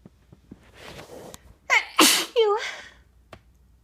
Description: these are my normal sneezes, induced with a tissue.